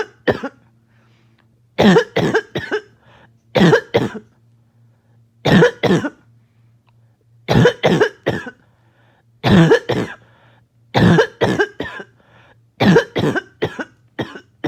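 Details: Adult choking, barking cough, started by an itchy nose and throat: repeated bouts of harsh, barking coughs, two to four per bout, with a choking quality.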